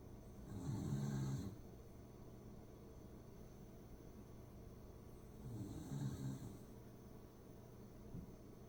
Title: corgi snoring away